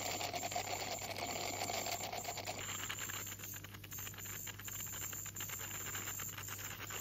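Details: Ultrasonic scaler used by a dental hygienist removing heavy tartar from a 44-year-old woman's teeth: steady high-pitched hiss and whine with rattling contact noise and a low hum.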